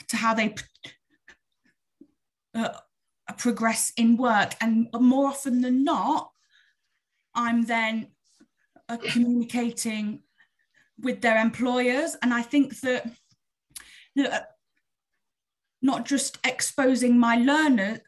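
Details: Adult woman who stammers, speaking openly with her stammer; stammering.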